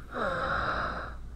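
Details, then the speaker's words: Wheeze, predominantly expiratory: high-pitched musical whistling through a long breath from narrowed airways. "Então temos aqui o sibilo, que predominantemente é de característica expiratória, que a expiração é mais passiva,"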